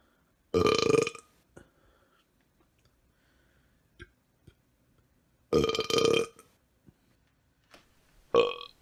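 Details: Two long, loud voiced belches and a shorter third, with quiet clicks between; burping montage.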